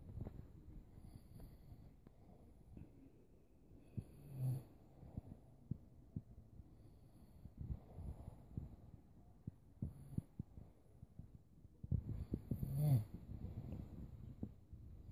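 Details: Man snoring away in sleep: low, rough rattling noises with a few louder snorting breaths in a quiet room; snoring.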